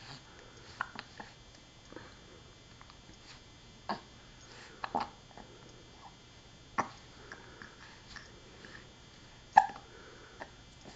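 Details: Baby with hiccups: brief sharp catching sounds at irregular intervals, about eight in eleven seconds, in a quiet room.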